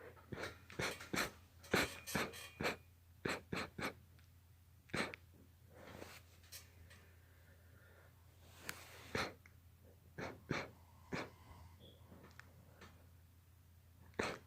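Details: Rapid run of short, sharp sneezes and snorts in repeated bursts, around fifteen or more in quick succession; a sneezing fit.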